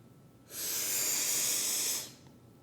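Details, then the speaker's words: A demonstration of dose inhalation through an Ellipta dry powder inhaler, after a full exhalation away from the mouthpiece: a long, steady, even hiss of deep inhalation through the mouthpiece for about one and a half seconds. "while holding the inhaler away from your mouth take a deep breath out then put the inhaler to your mouth wrapping your lips around the mouthpiece and take a long steady deep breath in"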